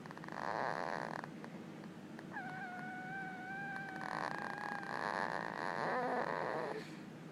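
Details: Child sleeping, loud rasping, fluttering noises with each breath and a brief squeaky tone between them; habit picked up from her father; snoring.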